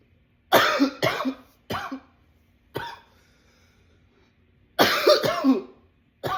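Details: Self-recorded runaway coughing attack: repeated harsh, wet-sounding cough bursts in clusters, about seven coughs, with short quiet gaps between.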